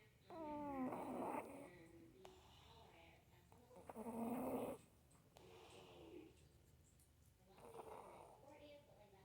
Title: Snoring in Sleep 🤗